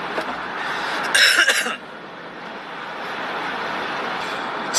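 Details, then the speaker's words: Two or three dry coughs from a man after eating a rice ball loaded with wasabi that went up his nose, over steady background noise. "아 편하게 기침 하세요 그냥 괜찮으니까네"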